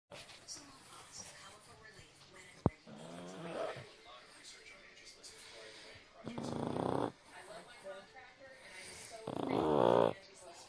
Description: Munchkin fell asleep on me and started snoring.